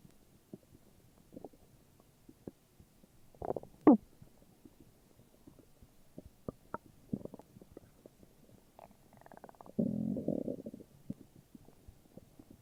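Soft gurgles and low rumbling bursts from the abdomen, with a longer rumble near the end; ordinary stomach growling from gut movement.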